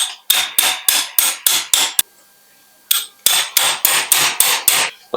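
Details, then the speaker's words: Two runs of sharp, rapid metallic taps, roughly three per second, with a brief pause, as a mallet anchors cutting-jig pins superiorly on the femur during a revision hinged knee replacement; surgical mallet hammering pins. "So we are going to now anchor the pins superiorly."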